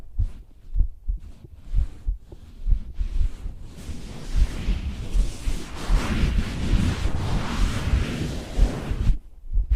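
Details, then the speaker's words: Adult female performer's own heartbeat recorded for ASMR: soft, steady low thumps, partly covered by rustling microphone noise midway. "今日は本当にトクトクって音高いです。お兄ちゃん早く寝ないとダメだよ、本当に。"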